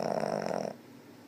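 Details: Sleeping cat: one short, buzzing, fluttery snore fading into quiet; snoring.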